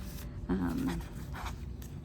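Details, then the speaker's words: Sleeping dog snoring behind the recording person: low, rumbling, slightly whiny breaths over quiet room noise. "and I'm sorry my dog's snoring if you can hear her um and she sitting right behind me"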